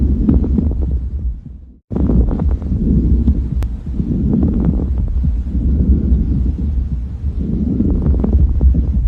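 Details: Fine crackles (subcrepitantes), fine lung sounds linked to interstitial processes such as pulmonary fibrosis and early edema: breath sounds with brief, fine crackling clicks over a low rumbling background.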